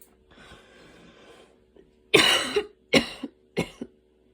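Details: Adult's evening asthma cough after walking and running outside in rain, breathing intense, inhaler used; a drawn-in breath then three harsh, forceful coughs in quick succession, some with a second catch.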